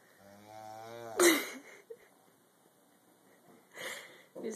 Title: snoring